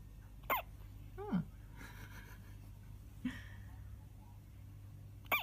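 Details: Baby hiccuping: four brief, abrupt voiced catches over about five seconds against low room hum; infant hiccups.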